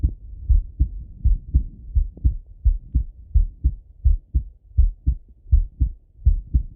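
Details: Male heart auscultated with a stethoscope, recorded partly sitting at a desk and partly lying in bed: steady, low lub-dub beats at about 80 a minute with no extra sounds between beats; normal heart sounds.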